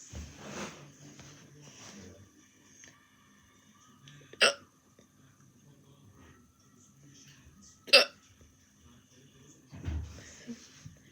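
Two sharp, sudden hiccups about three and a half seconds apart, with faint talk and room noise between them.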